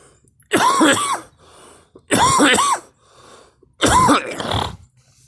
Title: me coughing and girl